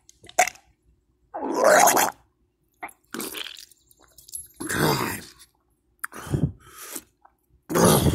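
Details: Adult gives short coughs then harsh, gurgling retching heaves; coughing with vomiting, then feels better.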